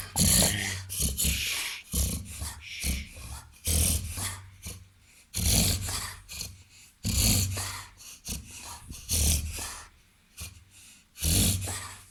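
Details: Repeated loud, harsh snorting inhalations in bursts from a 21-month-old, 30 kg Labrador–golden retriever–Weimaraner cross dog; reverse sneezing episode.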